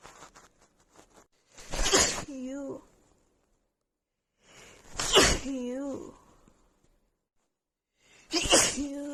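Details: Three forceful sneezes from a female with a really bad, stuffy cold, each followed by a brief voiced trailing sound, with quiet sniffing before the first; repeated sneezing.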